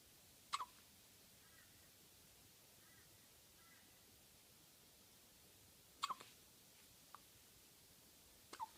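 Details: Hiccups on day 4: soft, brief hiccup sounds recur a few seconds apart over a quiet background hiss.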